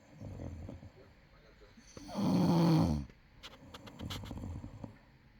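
Soft breathing sounds, then one loud, rough, vibrating inhaled snore of about a second; ordinary snoring during sleep.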